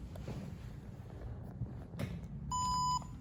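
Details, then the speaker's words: Pulse oximeter switched on for pulse oximetry screening during a child's cardiac physical exam: a brief rustle, then a single steady half-second electronic power-up beep, before the probe goes on the child's palm. "Terus kemudian kita lakukan screening pulse oximetry. Pertamanya kita nyalakan dulu oximetrinya."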